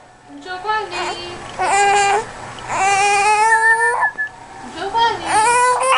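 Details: Baby with hiccups crying in several drawn-out, fussy wails with brief breaks between them; ordinary infant crying.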